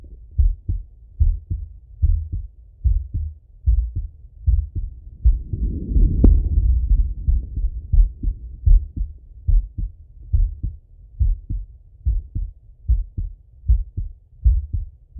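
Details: Male heart auscultation through a stethoscope, recorded sitting or lying: steady lub-dub heartbeat at about 74 beats a minute with a brief rustle midway; normal heart sounds.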